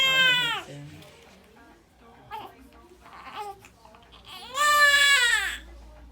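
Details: 2-week-old baby girl crying during a chiropractic adjustment for a misaligned T6 vertebra (linked to digestion) and atlas: two loud, high-pitched wailing bursts with quieter fussing between, an infant cry.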